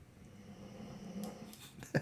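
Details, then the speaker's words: Pet dog snoring while resting: soft, low rumbling breath swelling then fading, ending in a brief snort, in a quiet room. "my dog's snoring guys can you hear that she listens to me every show listen"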